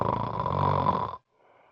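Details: A single loud, harsh, rattling snore lasting about a second from a person with severe obstructive sleep apnea; extremely loud snoring that disrupts family members' rest.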